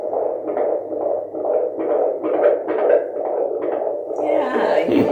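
Rapid whooshing fetal heartbeat, about 133 beats a minute, picked up by Doppler in late pregnancy.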